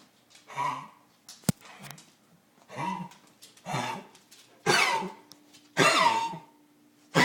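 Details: Harsh, throaty cough from a bear: about six evenly spaced bursts with short pauses, faint hum in a small room.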